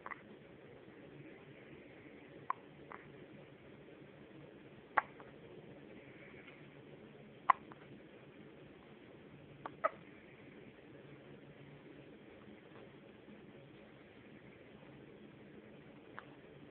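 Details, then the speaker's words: Faint, sharp, soft hiccups at irregular intervals, roughly twenty a minute, over steady room hiss, late at night, recorded on a mobile phone. "You alright, bud? You got these late night hiccups?"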